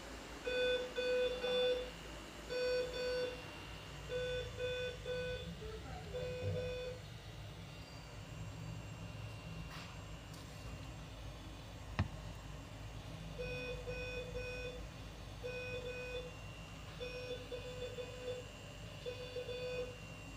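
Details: Repeated runs of short, high electronic beeps from a ventilator or monitor over low room hum, in a NICU baby on a ventilator who is recovering and moving its legs and hands.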